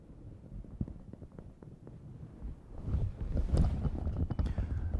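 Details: Resonant percussion note over the lungs during a teaching physical examination of the thorax on an adult female patient, before moving to the anterior thorax.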